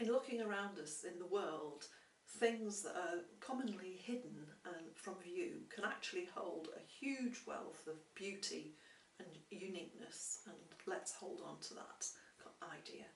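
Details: Adult woman speaking; normal fluent speech.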